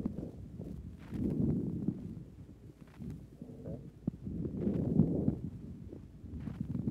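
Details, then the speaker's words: Stethoscope recording of a woman with rheumatic fever and pneumonitis at the left lung base: muffled breathing with short, bubbling crackles (rales) on each breath. "is evidence of some pneumonitis at the left base due to the rheumatic fever with the production of rales, which sound like bubbles on each breath."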